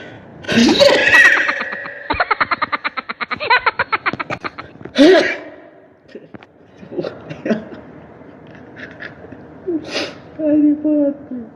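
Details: Person trying to sneeze with eyes open: an inward gasp, then a sharp sneeze burst, followed by rapid clicking sounds, more sneezes and laughter.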